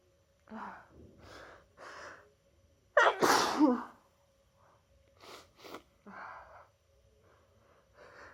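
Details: Sneezing during an annual cold, after holding sneezes in all day at work: soft breathy sniffs and catches, then one loud explosive sneeze, followed by quieter sniffles.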